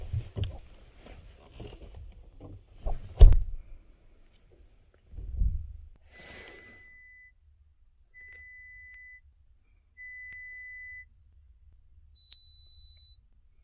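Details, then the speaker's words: Pure-tone audiometry before hearing-aid fitting, right (better) ear tested first, left nearly deaf; each tone repeated three times, two responses needed: three steady mid-pitched beeps, then a higher beep, after handling noise. "ただし、検査中は、お客様に同じ音を3回鳴らし、正確に2回応答してから、実際に聞いたと判断する必要があります。"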